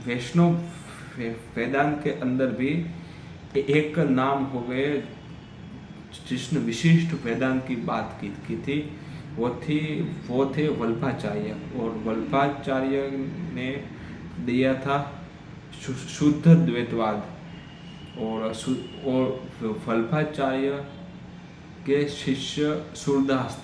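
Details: Adult man who stammers, speaking Hindi on day 7 of a daily fluency practice routine with breathing exercises; he stammered earlier that day on the phone; stuttering.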